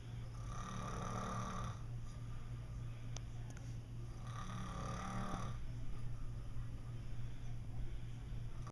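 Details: Two long, low, rumbling snores on breathing in over a steady background hum, during a nap; snoring.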